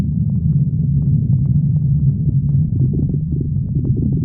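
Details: Continuous low rumbling and gurgling with small bubbling pops; normal stomach growling from gas and fluid moving through the gut.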